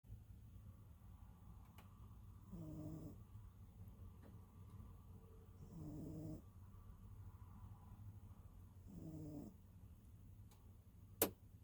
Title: snores (low volume)